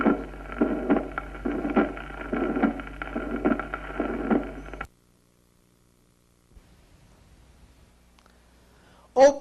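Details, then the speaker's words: Teaching auscultation recording of type II mitral regurgitation: regular heartbeat near 70 a minute with a steady, constant-intensity plateau murmur filling systole from its start past aortic closure. Holosystolic plateau murmur. "esta forma con intensidad constante la la vemos en una insuficiencia mitral tipo segundo escuchémoslo"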